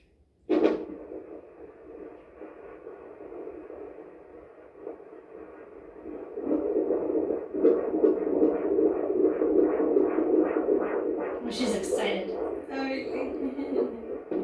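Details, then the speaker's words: Rapid whooshing fetal heartbeat at roughly 150–160 a minute on Doppler at 39 weeks of pregnancy, broken by thumps and scrapes as a very active baby girl moves and kicks; fundal measurement 38. Normal fetal heartbeat. "She sounds really good."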